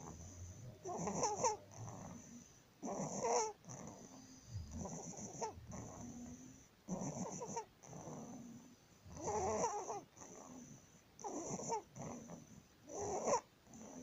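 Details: 19-day-old baby with laryngomalacia; inspiratory stridor.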